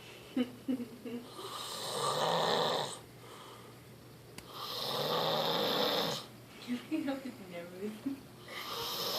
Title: The snoring lumberjack